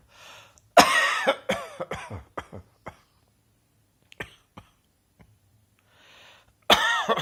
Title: Cross Dressing Coughing in Italy 36